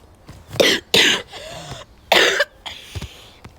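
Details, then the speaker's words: Harsh, forceful coughs with throat clearing between them, from a person who says they are sick and coughing badly and constantly while playing a soccer game on Roblox; cough. "Yeah, guys, I'm actually sick. Want to know? Please excuse me for how I might cough coughing badly a lot constantly, but any [sighs] uh yeah."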